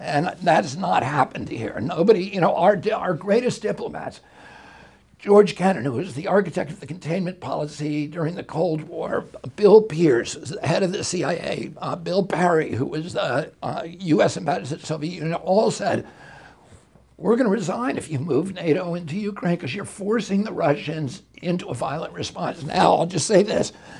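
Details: Adult male with a very strong voice until age 42, then a neurological injury in 1996; he says his brain sends wrong signals to his vocal cords, not a vocal cord problem; spasmodic dysphonia.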